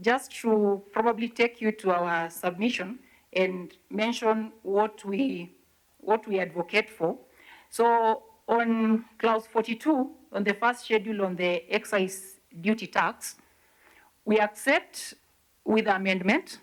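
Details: Adult speaker; normal speech.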